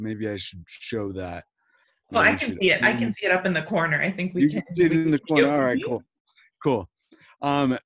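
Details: Adult speaker; Normal speech.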